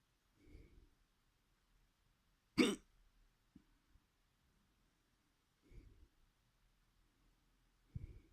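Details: Person deliberately experimenting with their hiccups: short, abrupt catches in the throat recur every few seconds, one sharper than the rest, in a quiet room; hiccups.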